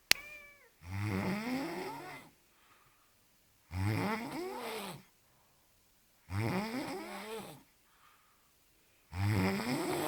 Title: best snore ever!!!